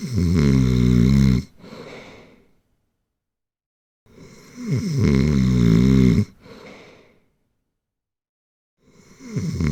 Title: Snoring for an hour | Helps you fall asleep | Let's listen